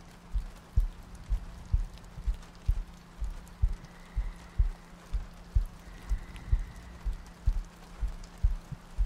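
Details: ASMR sleep-aid roleplay of cuddling next to a girlfriend on a rainy night, a looped track with soft breathing: soft, regular low thumps at about 62 a minute under steady rain noise; a calm heartbeat.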